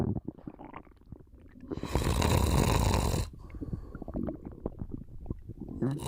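One long, rough, noisy breath in a sleeping adult, between quieter low clicks and gurgles.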